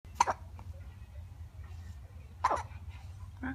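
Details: Newborn baby girl with hiccups: two short, sharp hiccup sounds about two seconds apart over quiet room noise.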